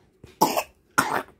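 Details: Two short, harsh coughs from a baby with a lingering cough, evenly spaced, in a quiet room.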